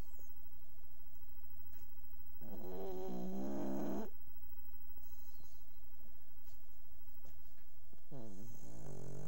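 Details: Woman sleeping, recorded quietly to avoid waking her: buzzing, vibrating breaths at intervals with faint clicks between; snoring.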